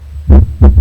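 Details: Short, low, dull heart thumps heard by stethoscope auscultation over the back, demonstrating the normal second heart sound (S2).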